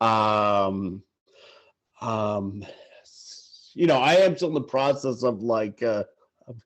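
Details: Adult male sportswriter who stutters, stuttering in conversation.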